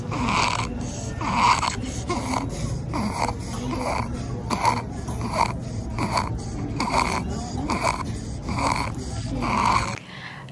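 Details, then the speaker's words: Child with congenital laryngomalacia, stridor since first month, intermittent, worse in sleep, restlessness and crying, no fever: rapid repeated harsh, high-pitched crowing inspiratory breaths, audible without a stethoscope, then music. "стридера наблюдалось у ребёнка с первого месяца жизни не постоянно, чаще во время сна, при беспокойстве и плаче."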